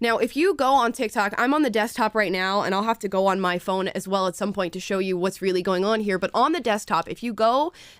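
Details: Adult woman; Normal speech.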